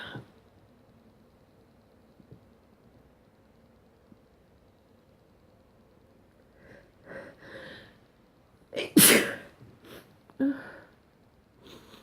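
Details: One loud explosive sneeze and a smaller one after a quiet stretch and soft in-breaths, recorded in the morning: sneeze.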